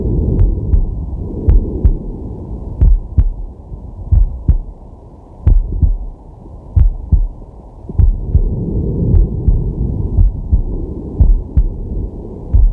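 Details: Male at rest, digital stethoscope on the chest: steady paired lub-dub heartbeats at about 65 a minute, with soft breath noise underneath; normal heart sounds.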